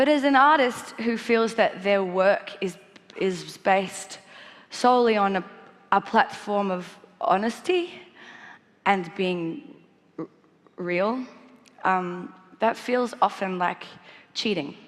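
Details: Stuttering in a 28-year-old woman, a singer-songwriter, who has stuttered since childhood; she copes by avoiding the "st" combination and proper nouns and swapping words at the last minute, and does not stutter when singing.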